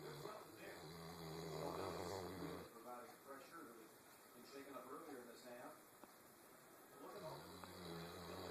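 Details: Sleeping Newfoundland dog snoring: deep, rattling snores on the in-breath, with quieter breathing between them.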